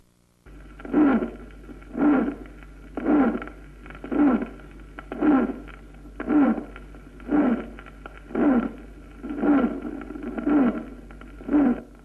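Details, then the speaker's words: Regular heartbeat at about 57 per minute, each beat carrying a short tonal murmur likened to birds chirping, a dove cooing or a moan: musical heart murmur. "y son musicales cuando son sonoros tipo piante esto es como el piar de las aves o en arrullo de Paloma o en gras nido de o como un gemido"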